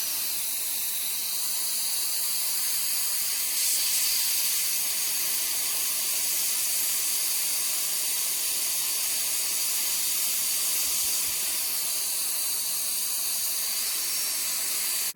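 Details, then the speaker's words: A dental drill removes a cavity before a filling, using water spray to cool the tooth and a suction tube. It makes a steady high-pitched hiss with a spraying, sucking quality. "I'm gonna show you how we get the cavity out using your barrel drills gonna be a little noisy it be patient with me for a second"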